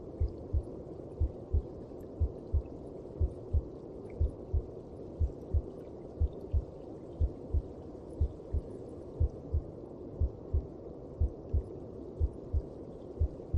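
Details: Steady, muffled low double thumps at about 60 beats a minute over a soft whooshing background: a regular heartbeat heard inside the mother's belly.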